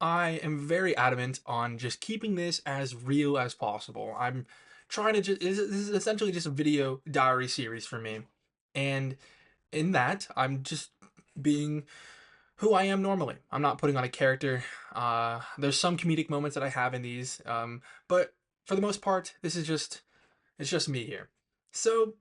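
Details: Adult with a lisp, which they relate to how their teeth are formed, and a non-debilitating stutter with repeated words and tripping over words, especially when focusing; reports improvement since starting video diaries; stuttering.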